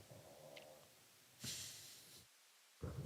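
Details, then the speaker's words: A pet dog sleeping comfortably, snoring loudly in the background of a conversation: loud, irregular, snorting snore breaths over low room noise. "That because man, my dog's snoring loud. What the heck? I don't know if people could hear that."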